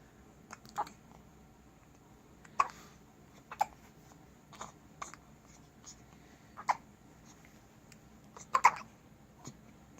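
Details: About nine short, sharp hiccups in ten seconds from a 2-week-old newborn girl in a quiet room; infant hiccups.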